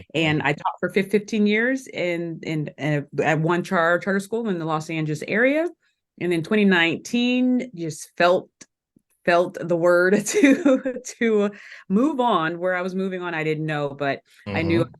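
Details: Adult woman who has stuttered since elementary school, had speech therapy three times a week, and still stutters today, speaking in an interview; stuttering.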